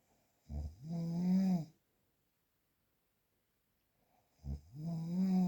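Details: Real, unprocessed recording of snoring.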